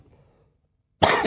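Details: An acted adult cough in a comedy sketch: about a second of near silence, then one sudden harsh, explosive burst that cuts off at the end.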